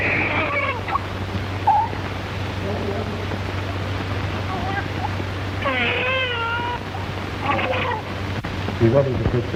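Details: Short, wavering, high-pitched wails from a newborn just after birth, over a steady low electrical hum, at a forceps-assisted low cervical cesarean filmed in 1936 at the Chicago Lying-In Hospital; a normal newborn cry.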